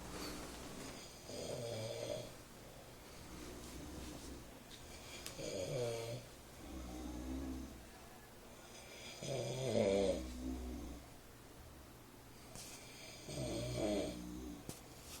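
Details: Two people sharing a room snore within 40 minutes of falling asleep near 5 a.m.: rhythmic rattling snores with each breath, about 15 a minute, alternating with quieter exhalations in a small room.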